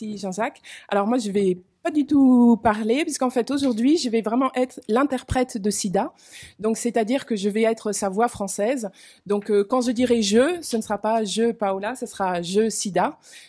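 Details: Adult woman speaking French; normal speech.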